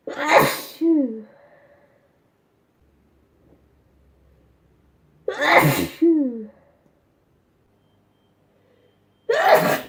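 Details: Three loud sneezes, each a sharp burst with a voiced "choo" tail, spaced a few seconds apart, from a sneezing compilation; ordinary sneezing.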